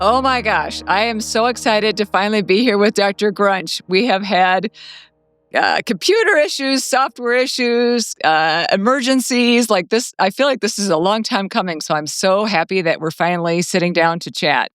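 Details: Adult woman speaking; normal voice.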